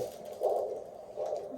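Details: Handheld Doppler on a limb during a Snake Staff tourniquet test: rhythmic whooshing pulses, about 75 a minute, as arterial flow returns right after tourniquet release; Doppler arterial pulse signal.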